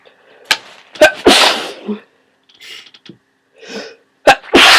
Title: Huge cold sneezes